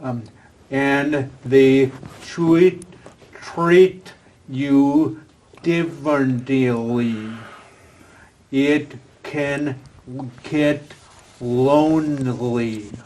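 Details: Adult with aphasia after a stroke, previously in a professional career, attending an aphasia conversation group with a speech-language pathologist; real patient speech showing aphasia.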